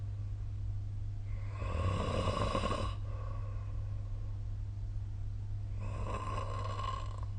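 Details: Snoring recorded with the SnoreLab app: two loud, rough, rattling snores on the in-breath, a few seconds apart, over a steady low hum.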